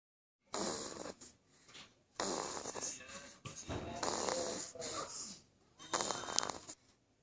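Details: Chloe, 2 weeks old, snoring loudly during sleep: loud, rough, hissy bursts with snorting noises, repeated with each breath.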